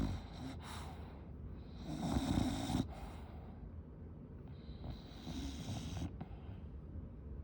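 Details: Sleeping female English Bulldog making rough, snorting breath sounds on each breath: snoring.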